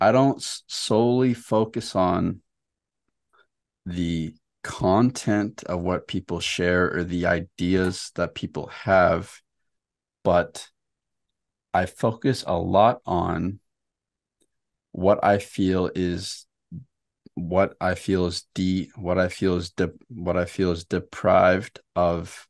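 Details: Stuttering in an adult man who stutters, in a podcast conversation.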